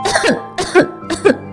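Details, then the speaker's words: Three short, forceful voluntary coughs about half a second apart after a slow deep abdominal breath and 2-second breath-hold, in a hips-raised prone phlegm-clearing position, over soft background music. "像我这样缓慢深吸气，鼓起肚子，尽可能多吸一点，屏息2秒钟，然后用力咳嗽。"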